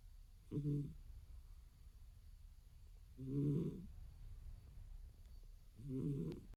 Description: Our eldest cat sleeping good and snoring.